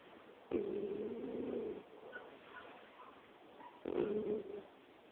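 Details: About 16-pound female cat snoring while asleep on jeans: two drawn-out, hum-like snoring breaths about three seconds apart, soft room noise between.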